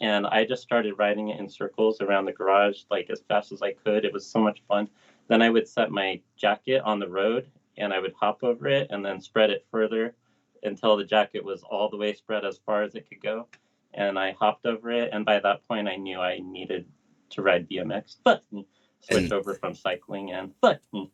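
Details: Adult male BMX rider with lifelong, genetic Tourette syndrome, onset in middle school, worsening with age, plus OCD; swearing tic began around age 35; vocal tics with coprolalia (Tourette syndrome).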